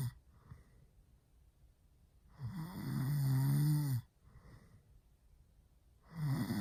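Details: Sleeping man snoring really loud: a loud, rattling inspiratory snore lasting about a second and a half, a quiet pause, then another snore beginning; heavy snoring in sleep.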